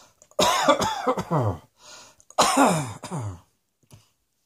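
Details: Two short bouts of loud, voiced, harsh coughing from an adult, several explosive coughs in each.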